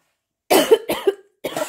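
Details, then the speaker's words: Three quick, harsh coughs in close succession after silence while showing thrift-store finds; the person then apologizes that the coughing got intense; a short coughing bout. "sorry about that the coffin got intense there for a second"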